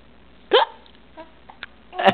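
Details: 4-month-old baby boy with hiccups, seemingly amused by them: two sharp, abrupt voiced gulps about 1.5 seconds apart, faint background noise; hiccups.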